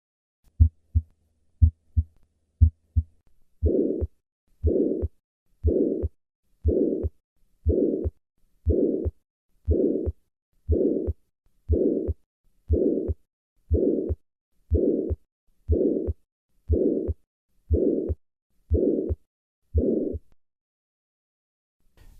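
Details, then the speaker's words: Ventricular septal defect: three plain beats, then a loud harsh holosystolic murmur at about 60 beats a minute, best heard left of the sternum at the 4th–5th intercostal space, often with a palpable thrill. "This murmur is usually heard best to the left of the sternum in the fourth or fifth intercostal space. It is due to the pressure gradient between the high pressure left ventricle and the low pressure right ventricle during cy."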